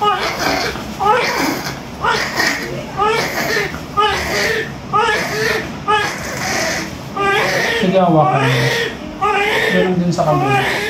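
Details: Repeated wailing cry bursts with short gasps between, over room noise and adult voices, from a newborn just delivered by normal vaginal birth; newborn crying after birth.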